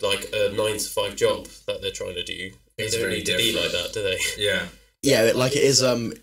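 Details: Adult male speaker; typical speech.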